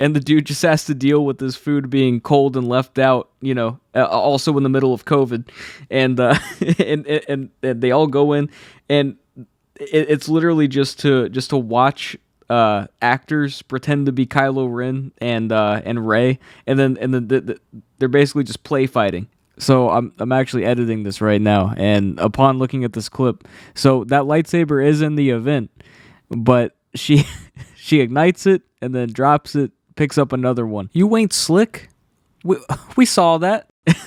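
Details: Adult male who has stuttered all his life since childhood, saw a specialist as a child, and says anxiety worsens it; stutters are left unedited in this recording; stuttering.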